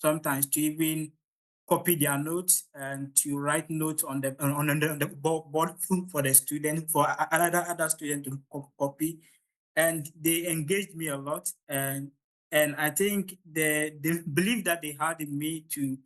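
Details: Adult man from Ghana who stammers, at the start of a public talk, a part he says is usually the most difficult for him; stuttering.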